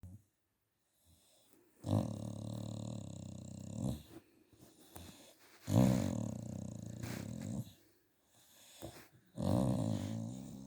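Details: A Staffordshire bull terrier snoring: deep, loud, rattling snores with pauses between breaths, about three in ten seconds.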